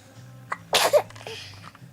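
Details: Baby's single sneeze: brief intake then sharp explosive burst of air with short trailing vocal sound, faint room hum, followed by baby talking.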